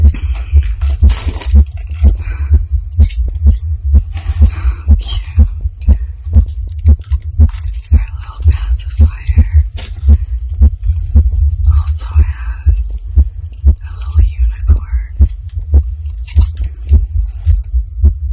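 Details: Adult female's own heartbeat, recorded just after opening a reborn doll box; she says she is shaking. Her rate was stated as over 130 BPM before opening, then began to calm. Rapid, steady beat near 118/min under rumbling handling noise. Fast heartbeat.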